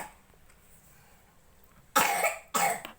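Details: Cough from a person who has a cough and cold and is refusing to eat.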